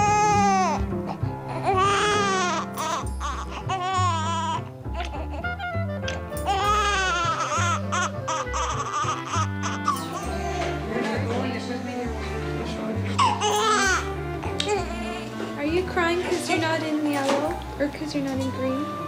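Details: Newborn baby girl, just born, with a minor kidney defect, cries in rising and falling wails with loud background music throughout: newborn cry.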